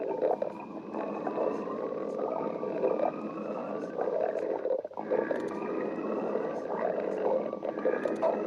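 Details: Continuous low gurgling and rumbling with drawn-out, whining tones that rise and fall: stomach growling (borborygmi) from gas and fluid moving through the gut.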